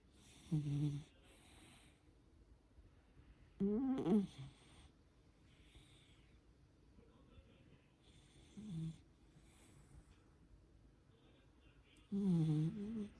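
Four loud rattling snores on breaths in, roughly every four seconds, about 15 a minute, with quiet breathing between them.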